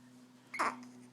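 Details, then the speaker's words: A single hiccup, heard as a short, sharp voiced catch against a steady background hum, right after eating. "say hello everybody we just ate now we have the hiccups and we're probably pooping that's what we do"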